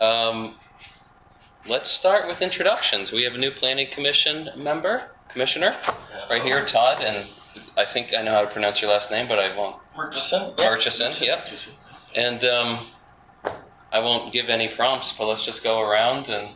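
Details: Adult male speaker; typical voice.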